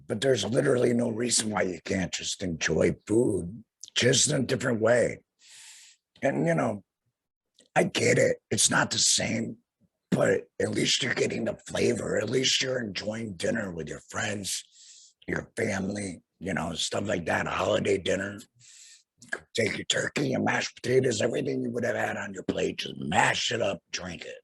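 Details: Adult male, about two years after total laryngectomy for head and neck cancer followed by radiation, speaking through a flanged, vibrating voice prosthesis; tracheoesophageal (alaryngeal) speech after total laryngectomy.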